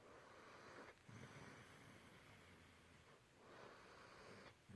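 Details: Heavy snoring: long, noisy rasping breaths with snorting onsets, roughly two cycles over five seconds.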